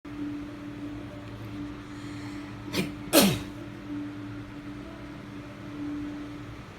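A quick intake then a short sneeze, with a hum in the background.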